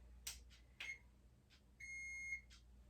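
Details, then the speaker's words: Several short high-pitched electronic chirps, then a longer steady beep as a thermometer finishes reading during a nurse's bedside assessment practice exam; patient reports shortness of breath and cough, temperature reads 102, oxygen 93, heart rate 94. "Now let me check your oxygen because you told me you feel like you have a shortness of breath. And also let me check your temperature."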